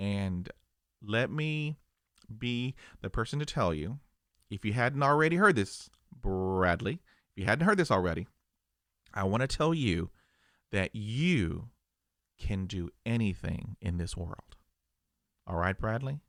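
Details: Adult who stutters, real stuttering.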